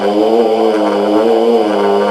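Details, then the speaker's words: A steady, droning, moaning groan held on a single expiration for the whole two seconds, given as an example of catathrenia (sleep-related expiratory groaning) in a lecture on sleep-related breathing disorders. "La catétrinia ou catétrénie, voici un exemple. Ce bruit expiratoire"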